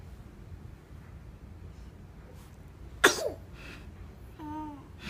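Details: Baby gives a single short, sharp sneeze in a quiet room, followed by a brief high-pitched vocal sound; sneezing.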